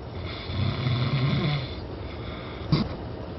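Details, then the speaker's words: Adult volunteer's overnight sleep recording: heavy snoring with obstructive sleep apnea, breathing stopping repeatedly about every 20 seconds, over an hour of apnea in total; loud rough low inhaled snore, quieter stretch, brief snort. "포르 엘 고나 순간 숨을 멈추는 데 그 상태가 무려 20초마다 이어졌다"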